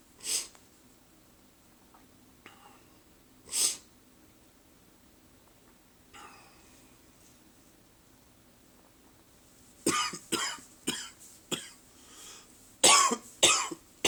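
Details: Adult's mild first-thing-in-the-morning cough: brief dry coughs, two single coughs then a quick cluster of several short bursts.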